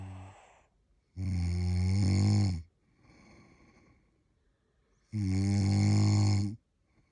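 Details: Person snoring while on holiday in London: two long, loud, rumbling inspiratory snores about four seconds apart with a quiet exhale between; typical snoring.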